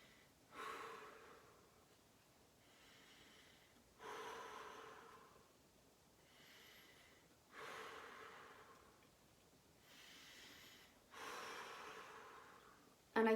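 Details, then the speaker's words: Male patient during anterior chest auscultation with a stethoscope starting at the trachea, asked to breathe out through his mouth a little deeper: slow, deep mouth breaths, about 17 a minute, louder inhales and softer exhales; normal. "i'm going to have my patient breathe out through his mouth a little deeper than"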